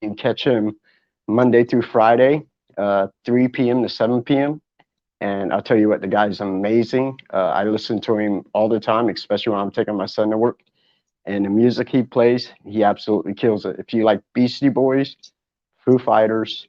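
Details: Adult male speaker; normal speech.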